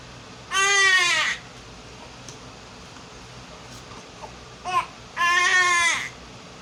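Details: Baby niece after a bath who also had hiccups: two long, high-pitched infant cries with a brief whimper between them; ordinary crying in a quiet room.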